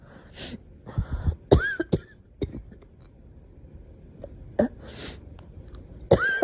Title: Girl coughing 107